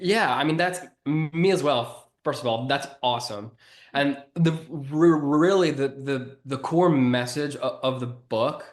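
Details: Adult who grew up with a stutter and was bullied for it, and has stuttered on his own name when presenting to a large audience; stuttering.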